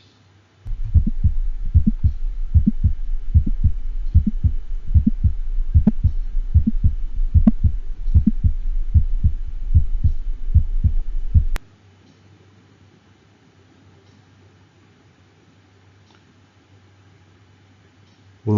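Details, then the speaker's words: Heart sound simulator: regular heart sounds with a sharp, snapping mid-systolic click between S1 and S2, from valve prolapse toward the atrium, as with degenerative mitral valve disease in dogs or horses. "we'll listen now to a mid-systolic click amid systolic click is a result of a valve prolapsing or tenting up in mid systole towards the atrium this is a sharper snapping sound and it happens between the first and second heart sound"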